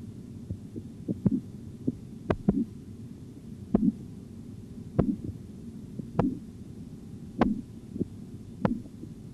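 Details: Auscultatory blood pressure measurement training exercise: repeated soft tapping Korotkoff sounds with occasional sharp clicks, about 50 a minute, against faint hum during cuff deflation; a few irregular artifact sounds at the start.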